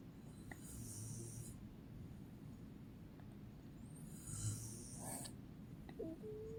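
Low rattling breaths with a harsh hiss on each inhale over steady room noise: snoring.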